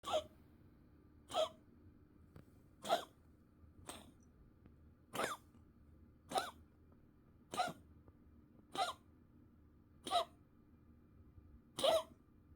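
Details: Cat coughing fit, recorded 2 April 2024; about ten short, dry, hacking coughs at roughly 1.5-second intervals.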